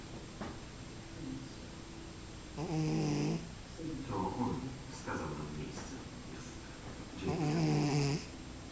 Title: hilarious cat snoring